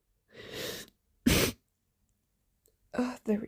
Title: a sneeze, snot dribbling onto my thigh & a little thigh smack #sneeze #sneezing #snz #allergy